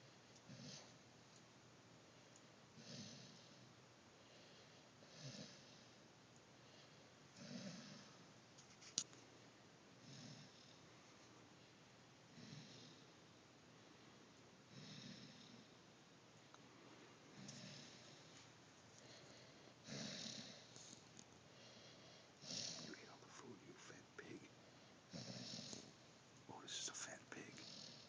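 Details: Noisy, wheezy breaths about 24 a minute from Otis, who got into the food bag and is full, miserable and tired after overeating; quiet room with occasional clicks and sniffs.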